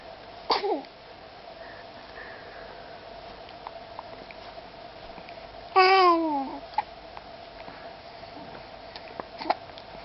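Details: Two brief, sharp bursts, one with a high-pitched voiced tail, against a steady room hum, consistent with sneezing.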